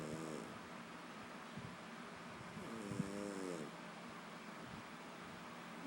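Low, rattling breaths with a humming edge, two longer ones about three seconds apart, over steady room noise: snoring in a sleeping pet.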